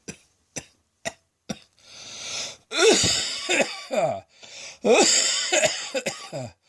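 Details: Midday coughing fit that kept going, harsh enough to sound like a heavy smoker nearly coughing up a lung.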